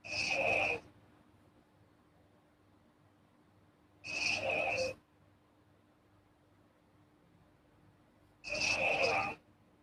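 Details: Girl sleeping, three breathy, rasping sleep breaths at about 14 a minute with quiet pauses and a faint steady hum between them: snoring.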